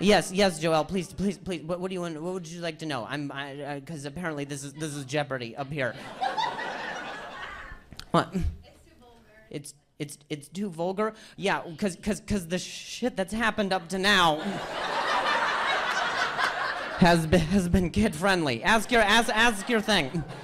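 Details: Stuttering in an adult male comedian who says hearing noises in his ear while talking makes him stutter.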